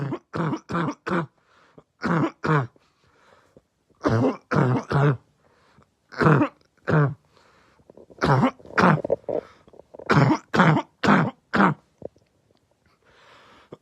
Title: Barking Cough Compilation 2